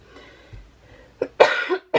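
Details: Adult vlogger, very sick, coughing while talking: short throat sound, then a harsh cough burst and a second one starting.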